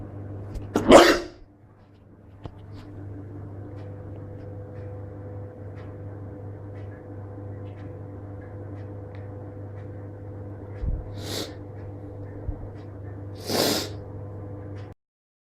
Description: Jus 1 sneeze in this one..